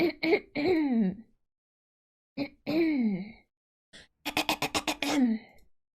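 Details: Female clearing her throat repeatedly: several short voiced throat-clearing sounds in bursts, including a rapid run of about six, separated by silence; ordinary throat clearing.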